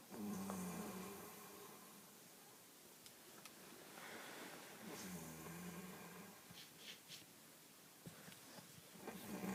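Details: Father snoring during sleep: low, rough snoring breath sounds with some room noise between them.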